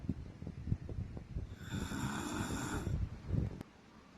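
Low rumbling breathing noises with a longer, louder rattling snore in the middle; snoring during sleep.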